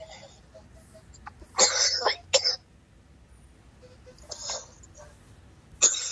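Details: Coughing fit so hard it brings on an urge to vomit: harsh, forceful coughs in a cluster of about four bursts with pauses between.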